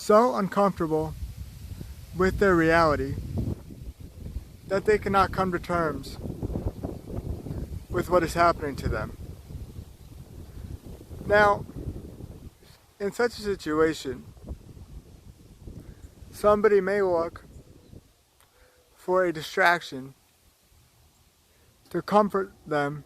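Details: Man with cerebral palsy and chronic pain, with slow speech broken by long pauses between short phrases; slow speech with long pauses (cerebral palsy).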